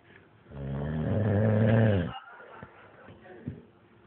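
One long, loud, rumbling snore lasting about a second and a half, then quiet breathing noises. Dog snoring.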